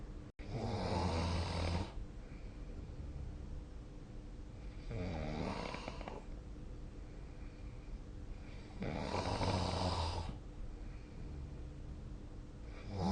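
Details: Snoring during sleep, recorded with a snoring app (SnoreLab): loud, rattling snores on each breath in, about three in thirteen seconds, quieter breathing between.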